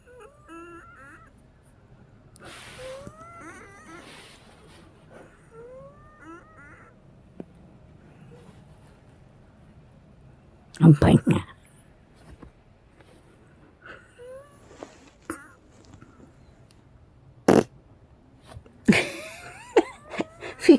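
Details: Wheezing continuing and louder on 2/5/2024, sometimes after 1 PM, about 5 hours after her first breathing treatment at 8 AM; repeated high, squeaky whistling tones with breathing, typical of narrowed airways.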